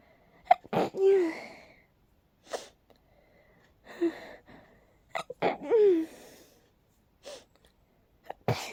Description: My allergies are really acting up again... Sometimes they cause those crazy rapid sneezes